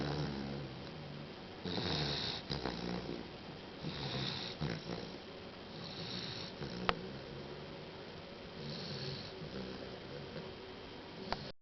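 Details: Soft, rough breathing noises repeat through sleep with some room noise; heavy snoring at about 9 weeks of age.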